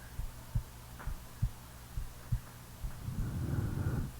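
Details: Real heartbeat recorded during sleep: soft regular low thumps roughly 70 a minute, then a snore rising over the beats near the end; normal heartbeat.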